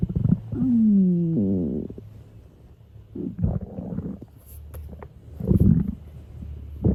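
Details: Young woman's stomach growling, edited recording: long low groaning gurgle rising in pitch, then softer rumbles and gurgles.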